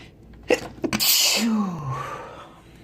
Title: Sneezes (M)